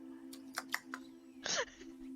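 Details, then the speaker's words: Several quick sharp bursts then a louder abrupt vocal catch over steady background hum; hiccups during a live stream. "sorry i'm banning you from the indy i can't hear the music over the sound of my own hiccups"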